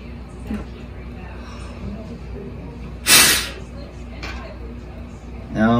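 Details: A single short, forceful maximal exhalation into a peak flow meter against quiet room noise, one of a best-of-three set of attempts. Nearby readings were about 530–540. It is used to track lung performance and catch early asthma or infection: a peak flow forced expiration.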